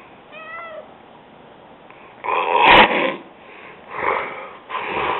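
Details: Cat that the owner says has terrible sleep apnea, snoring while asleep: a brief meow, then three loud, rough, noisy breaths in a steady rhythm; snoring.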